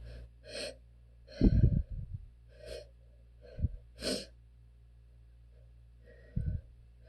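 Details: Suppressed sneezing during an allergy flare, sneezes held back: three forceful, muffled sneeze bursts with sharp breaths drawn in between, and room hum in the background.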